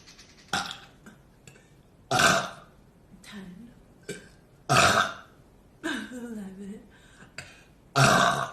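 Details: Girl burping after drinking very fizzy club soda: four loud, long belches separated by quieter throat sounds and brief vocal murmurs.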